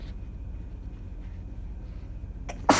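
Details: A short sneezing fit with a partner saying "bless you" in the background: quiet room noise, then a sharp inhaled catch and a loud, explosive sneeze.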